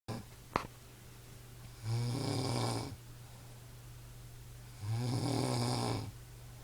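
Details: Person passed out asleep, snoring loudly: two deep, rattling snores about three seconds apart over a steady low room hum, roughly 20 breaths a minute; ordinary snoring.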